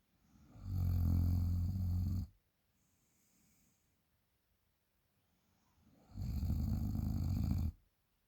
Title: Snoring after a party